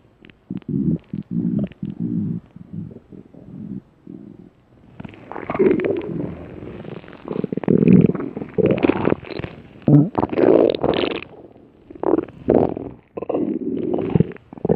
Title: Cream Puff Cookie's Stomach Growl